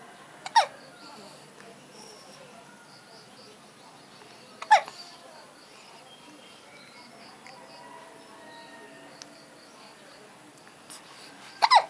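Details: Infant's first hiccups, with mother: three brief, sharp catching sounds spaced several seconds apart over quiet room noise; hiccups.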